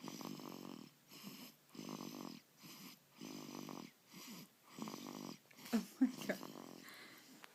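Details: Sleeping dog snoring: steady rhythmic snoring, about seven rough vibrating breaths, ending with a few snuffles.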